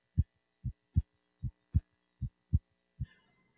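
Clear, regular first and second heart sounds at about 77 beats a minute, heard at the aortic area.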